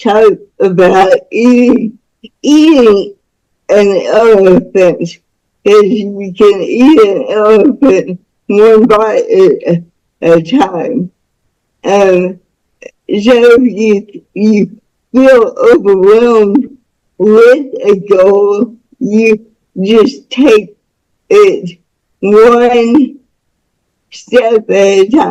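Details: Speech of a woman nearing 49 with cerebral palsy present from birth, born with the umbilical cord around her neck five times and once told she would never walk or talk; the speech disorder is not specifically named (dysarthric speech).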